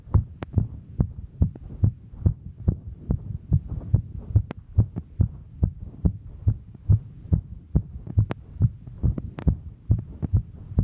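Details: Female's heartbeat recorded while hiking: fast, regular low thumping at roughly 140 beats a minute, sped up by exertion; normal heart sounds at a fast rate.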